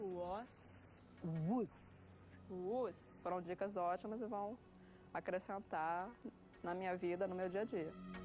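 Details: Stuttering in a 30-year-old woman who has stuttered since early childhood and recalls being unable to say a sentence at age 9.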